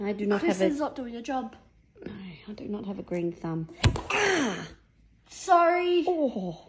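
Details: Adult woman speaking; normal speech.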